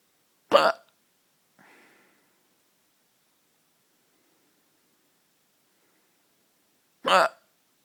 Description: Late night hiccups